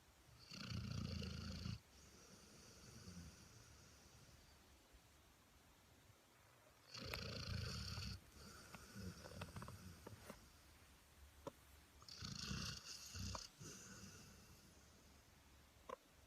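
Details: Dog snoring in sleep: three loud, rough, rattling snores about five seconds apart, with soft snuffling between them, near 12 breaths a minute.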